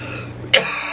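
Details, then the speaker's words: Voluntary cough from a man with cystic fibrosis in week 3 of Trikafta: one short, sharp, deliberately forced dry cough with a clean sound, no rattle and no follow-on coughing, which he says is unusual for his CF. "That was me making myself cough, but did you hear how clear that was? That shit, how the sound of my cough right then, that shit doesn't happen with CF."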